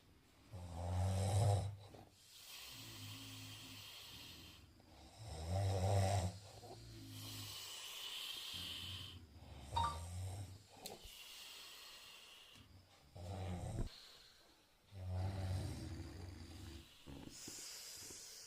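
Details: Loud, rattling snores with deep low rumble, about four to five breaths, irregular in strength, with quieter breathing between; a person still asleep in the morning, heavy snoring.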